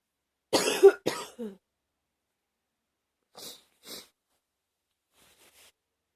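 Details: Cough with a cold: two or three short, moist coughs, then two quiet sniffs, suggesting nasal congestion; person sniffling a lot.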